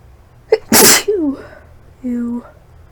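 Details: Sharp inhaled catch, then one loud explosive sneeze, followed by a brief voiced sound and a short hum; a deliberately induced single sneeze.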